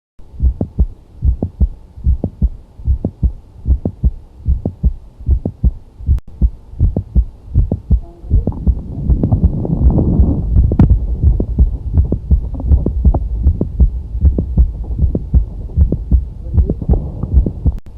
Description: This is the sound of mid-systolic click heard during cardiac auscultation.